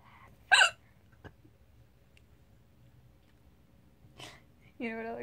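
A few sharp high hiccup sounds break up quiet laughter and voicing; hiccups.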